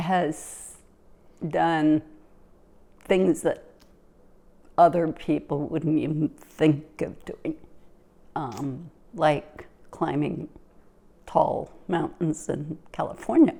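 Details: Adult woman; typical speech.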